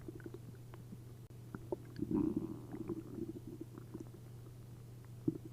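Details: Belly after drinking a liter each of milk and prune juice, upset stomach: loud bubbling gurgles of liquid moving through the gut with scattered smaller pops. Borborygmi (stomach gurgling).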